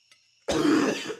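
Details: An acted smoker's cough from a man in an anti-smoking TV ad: a single harsh, rough cough burst after brief silence.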